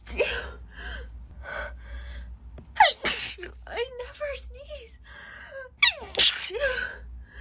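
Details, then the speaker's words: Person who says they normally never sneeze, sneezes came out of nowhere; gasping inward breaths build to two strong sneezes in quick succession: repeated sneezing fit. "sorry sorry about that those came out of nowhere really they came out of nowhere oh [ __ ] oh this is just really weird because I I never sneeze I'm normally never like this"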